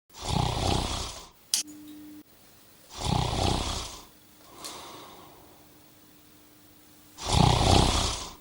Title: How To Stop Snoring